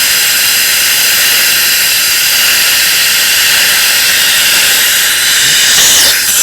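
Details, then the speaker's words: Dental air-water syringe rinsing etchant off the teeth during indirect orthodontic bracket bonding, patient asked to open slightly: loud steady hissing spray. "okay, open for me just a little bit. And then I just rinse them really well."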